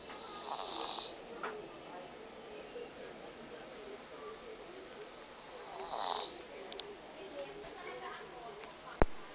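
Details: A cat snoring during an afternoon nap: soft, breathy snores rising with each breath, with a few clicks of room noise.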